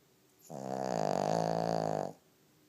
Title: My lil snoring pig